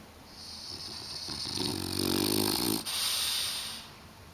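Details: A pet dog (puppy) sleeping in on a morning, found snoring when woken for breakfast: a single long rattling inhale with rough fluttering low buzz, then a hissing exhale.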